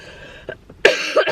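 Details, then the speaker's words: Single harsh, abrupt cough from an adult woman with a persistent cough and hoarse voice, preceded by a faint throat sound, in a quiet room. "trzymajcie kciuki żeby mi po prostu przeszedł ten kaszel bo mam tragedię"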